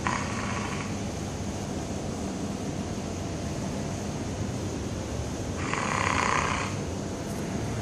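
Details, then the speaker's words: Snoring: two rasping snores about five seconds apart over steady room noise. "Tiger. You're snoring."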